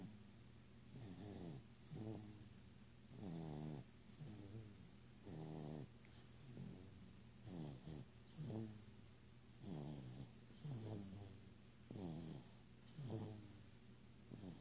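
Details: Sleeping baby aged 9 months 1 week snores with a steady rattle on each breath, roughly 27 per minute; infant snoring.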